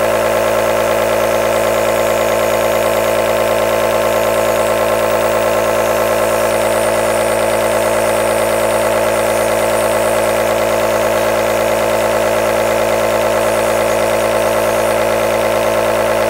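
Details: Continuous running sound of an aerosol nebulizer compressor, from a 10-hour recording used as white noise.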